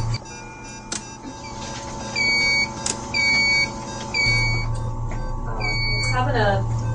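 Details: Simulated ECMO scenario in a sedated two-month-old on day three with anomalous pulmonary venous return: repeated high pump alarm tones over room noise and faint music, signalling high post-membrane pressure (about 400, previously 250) from a circuit kink.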